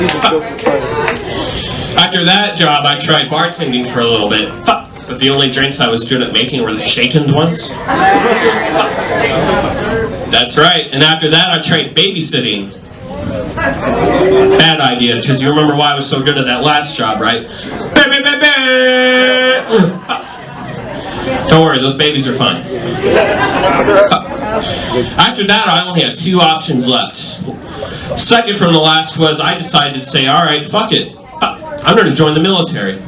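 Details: Adult male comedian with Tourette syndrome, a neurological condition causing involuntary utterances including shouted swear words and tic noises, performing live stand-up; vocal tics (Tourette syndrome).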